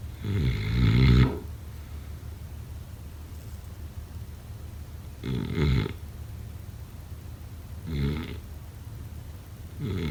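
Low rattling snores on breaths in, about four in ten seconds, with quiet pauses between; ordinary snoring in sleep.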